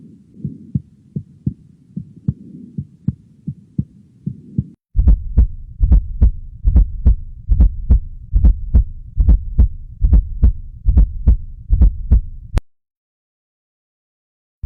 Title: #Normal Heart Sound #Nursing #nursinglectures #Sounds